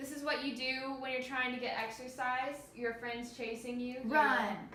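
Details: Adult female clinician; clinician speech.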